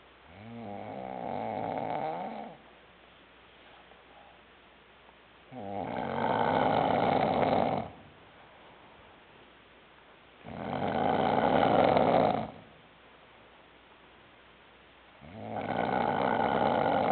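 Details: Loud, regular rattling snores on each breath in, about four in seventeen seconds, roughly 14 breaths a minute, with quiet breathing out between.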